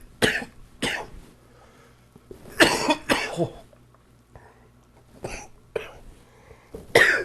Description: More chest cold coughing...enjoy!